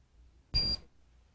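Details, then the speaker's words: Single steady high-pitched beep from a Welch Allyn SureTemp Plus 690/692 thermometer's security alarm, triggered within 5 seconds of removal from its wall holder; beeps continuously until the mode button is pressed. "the instant on feature triggers an alarm within 5 Seconds of remov removing the thermometer from the wall holder when the alarm Begins the thermometer beeps continuously and displays"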